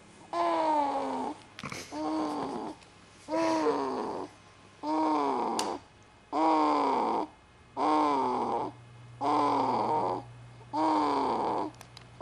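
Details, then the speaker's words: Snoring, noisy for about five minutes, sounding out of breath: regular drawn-out groaning breaths, about 41 a minute, with a moaning tone, consistent with loud snoring. "oh you've been making that noise for about five minutes i think he's all out of breath oh oh"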